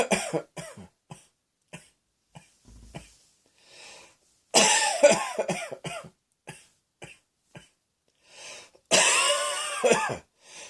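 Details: Repeated short dry coughs with two louder, harsher coughing fits, each ending in a voiced groan.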